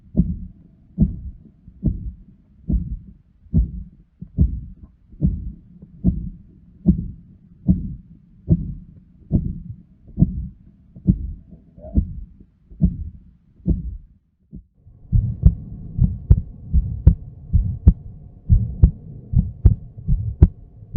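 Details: Pathological heart auscultation with the patient breathing in very quietly: a regular heartbeat at about 72 a minute with a rushing murmur filling the gaps between beats.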